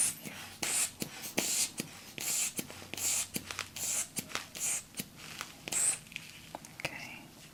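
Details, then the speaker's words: Simulated role-play exam for a head injury after a fall, patient born 1992: soft airy hisses and clicks as a manual blood pressure cuff deflates on the arm, reading 110/80, during a quiet exam. "if you could I'm going to do your blood pressure next okay can I go ahead and use this arm go ahead and slide this off okay okay all right just relax"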